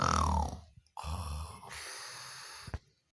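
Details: Sleeping until snoring: a loud, rough snore on the in-breath, then a quieter breathing noise; ordinary snoring.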